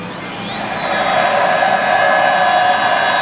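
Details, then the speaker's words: Training video, dummy mandible: Bioner LANKA pilot (initial perforation) drill at 1200 RPM for a 4x10 implant in the lower molar region; steady high motor whine of the dental implant pilot drill. "The LANKA drill, also a pilot drill or an initial perforation drill, which goes in at 1200 RPM. We are placing an implant of 4x10 in the lower molar region."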